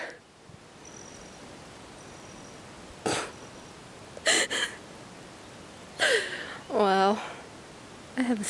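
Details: Dog sneezing: several short, sharp nasal bursts with a brief whine in a quiet room, happening while she keeps digging; the owner jokes she is allergic to digging.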